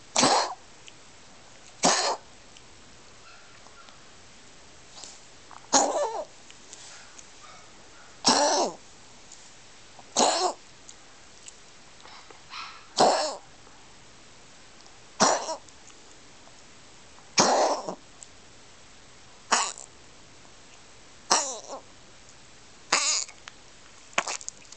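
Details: Dog coughing: about a dozen short, harsh, dry coughs at a steady interval over 25 seconds.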